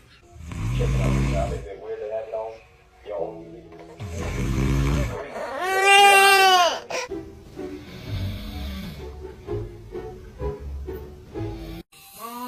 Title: Baby reaction when dad snoring 💤💤 #babyfunny #kidsfunny #comedy